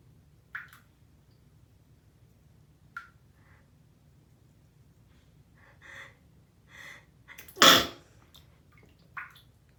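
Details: Person at bath time: quiet sniffs and breaths build to one sharp sneeze, then a soft exhale; sneeze.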